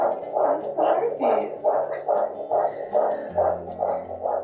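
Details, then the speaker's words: Fetal heartbeat on a Doppler monitor at 30 weeks of pregnancy, third baby: rhythmic whooshing pulses at about 140 a minute, in the normal range; cord sound said to match the heart rate. "They listen to the cord at the same rate as the heartbeat. That's baby's heart that pushes the blood through your cord."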